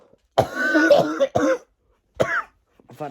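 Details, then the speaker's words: Three short, harsh cough bursts and a faint fourth from a child on about day 20 of a bad cough lasting nearly a month, who needed his inhaler: a lingering cough. "this oh God this cough has been here for ages now it's actually taking the make it's really annoying as well yeah I've had this C ages now it's just really annoying I've had it for nearly a month now"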